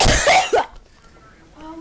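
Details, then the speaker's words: Man imitating a duck, called a Donald Duck laugh or sneeze: a short, sharp, explosive burst followed by quiet, a duck-like sneeze sound. "he can do a donald duck laugh or sneeze whatever you want to call it you should hear it"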